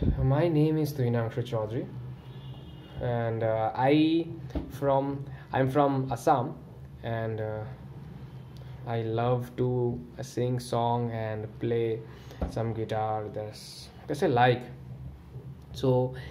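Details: Real adult man with stuttering (stammering) since childhood, speaking on the exhale after diaphragmatic breathing as a self-devised management technique; stuttering.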